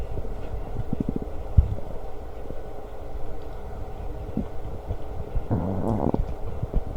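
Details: Stomach growling while eating lunch: low, irregular rumbling and gurgling with soft clicks and a louder gurgling burst near the end; ordinary borborygmi.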